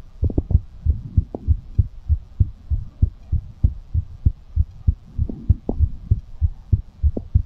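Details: Fast heartbeat after exercise, ASMR recording: strong, regular low thumps in quick succession, about 95 to 100 beats a minute.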